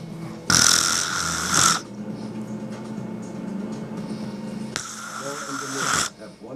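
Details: Two loud, harsh snores about four seconds apart from a sleeping adult woman, over faint background sound; snoring.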